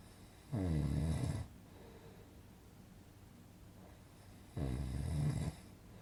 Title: Relaxing snoring sound effect - Good for Sleeping